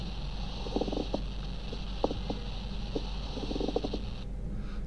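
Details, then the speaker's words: Pleural friction rub demonstrated during chest auscultation teaching: short creaking, grating crackles come in clusters with breathing over a steady hum. "here friction rub yeah once again"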